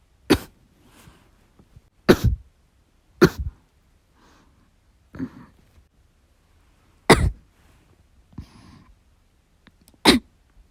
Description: I was playing the game while I was recuperating, but I was coughing so badly I couldn't do it well.